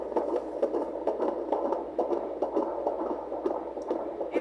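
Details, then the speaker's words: Fast rhythmic whooshing pulses from a handheld Doppler with warm gel on the abdomen at 30 weeks of pregnancy; fetal heart rate 132 per minute, normal, within the 120–160 range. "baby today has a heartbeat of a 132. anything between 120 and 160 is completely normal"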